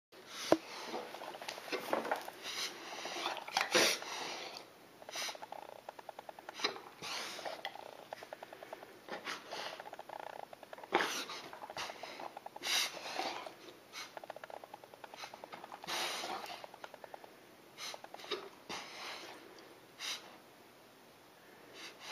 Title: Reverse sneezing